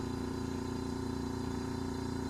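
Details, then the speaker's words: Steady loud motor hum of a portable suction machine during a function check, patient-side tube folded so vacuum pressure rises; portable suction machine running. "Fold like this. You can see the vacuum pressure is increasing."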